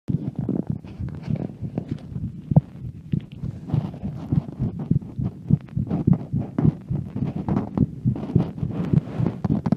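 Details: Normal heart sounds recorded while walking around at home: quick, steady, low thumps at roughly 105 a minute, partly blurred by movement rustle.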